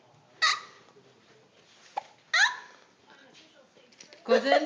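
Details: An infant's short, abrupt, squeaky hiccups, with aunts imitating the hiccups, in a quiet room; infant hiccups.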